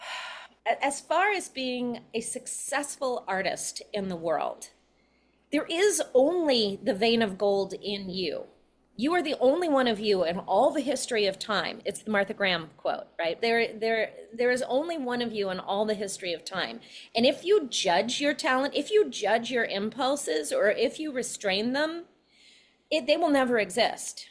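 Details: Adult female speaker; normal speech.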